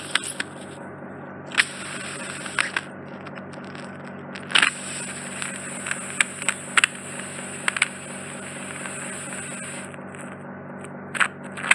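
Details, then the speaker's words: Microsuction removing wax off the eardrum, bilateral ear wax removal: steady high suction hiss with intermittent sharp crackles and pops; the skin makes the high-frequency squeal. "Okay, so let's get this wax off your eardrum. So that's the skin, that's what's making that high frequency squeal."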